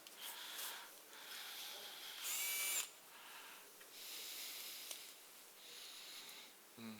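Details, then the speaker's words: Surgical power drill driving olive wires from the lateral side during Ilizarov frame fixation with monoplanar hinges for an angular tibial shaft malunion deformity: high-pitched whirring bursts with short pauses in a quiet room. "now we put olive wire here because like I said before we need two portion force from the lateral side this is one Olive here now we put another one here"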